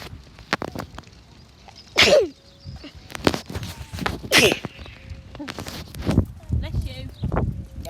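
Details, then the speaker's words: Person walking home from school outdoors near trees, thought to be allergic to pollen: two loud, sharp sneezes a few seconds apart, with footsteps; repeated sneezing. "i'm allergic to pollen we just found out um what we think because i keep sneezing every time i get near to some pollen"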